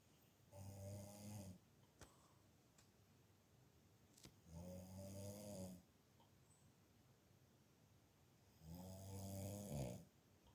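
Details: Snoring from a resting black cat: three soft, buzzing snores about 14 a minute with quiet pauses between.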